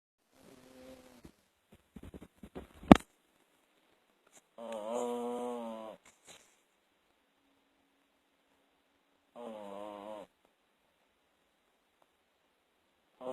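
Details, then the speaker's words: Pet dog snoring in sleep: two long, buzzing, fluttering breath sounds separated by quiet pauses, with a few faint clicks. "You snoring, baby. You've been snoring."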